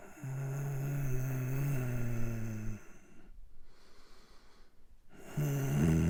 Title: Male Sick Breathing (いびき男) 効果音 人間の声 YouTubeオーディオライブラリー